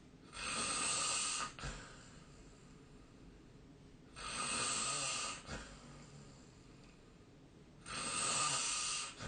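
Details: Snoring during sleep, recorded with a snore-tracking app: three loud, harsh, rattling breaths about every four seconds, roughly 16 a minute, with quiet pauses between.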